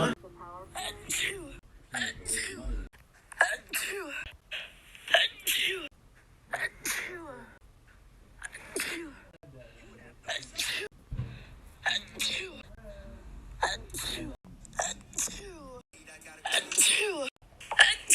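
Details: Baby; repeated short, sharp sneezes in quick succession with brief gasps and soft voice sounds between them: sneezing.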